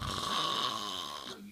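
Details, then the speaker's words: Heavy snoring: a single loud, harsh, rasping snore lasting over a second, likened to a dragon or a pig. "there's a dragon in here. Fire. It sounds like someone's trying to kill a pig."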